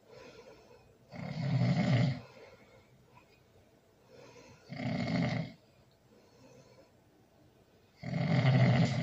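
Deep, loud rattling snores every few seconds, roughly 18 a minute, in a quiet room; heavy snoring.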